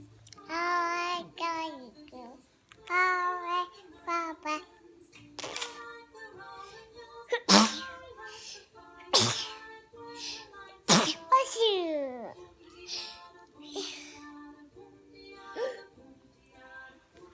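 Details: Young girl sings a few lines, then several sharp explosive sneezes in a row, after which she says "bless you": sneezing.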